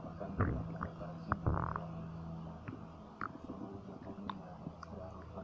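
Soft, scattered gurgles and small squeaks over a low room hum; quiet stomach noises.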